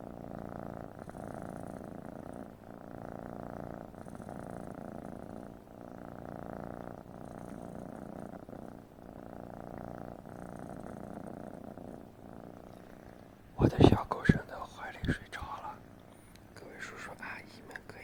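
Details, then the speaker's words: A cat purrs at night, about 12:30 am: a steady low rumbling purr rising and falling with each breath, with brief handling noise near the end. "家人们，这会儿是晚上12点半，给你们听听猫猫打呼噜的声音。"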